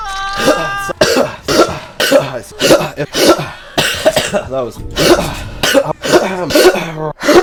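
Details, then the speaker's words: Repeated harsh coughs and throat clearing mixed with speech and background music, from a person who says they have COVID; cough. "Cause I do have COVID, and uh *COUGHS* Probably gonna do that a lot I'm gonna try not to cough As much as physically possible uh..."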